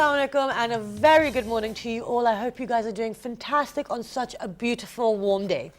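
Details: Adult woman speaking; typical speech.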